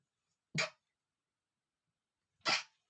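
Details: Two sharp, forceful sneezes about two seconds apart from a male, brief explosive bursts with quiet between, after accidentally smelling flowers; repeated strong sneezing.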